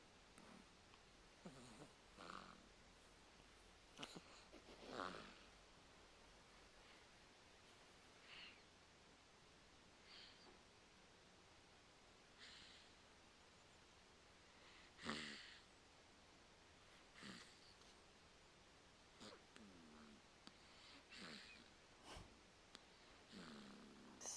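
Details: Soft, rhythmic snuffling snores from a sleeping cat, repeating every couple of seconds over faint background hiss.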